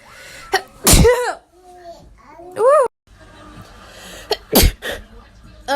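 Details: Child (girl) giving two sharp, explosive sneezes, with brief voiced sounds and breaths in between.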